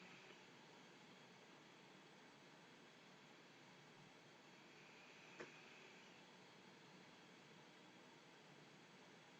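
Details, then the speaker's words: Z1 travel CPAP machine sitting on a desk, turned up to pressure 10: a steady, soft airflow hiss with no other sounds; quiet normal running noise, judged an acceptable level. "so look at the end of the day I think that's uh really really acceptable level of noise especially considering it's right up here on the desk"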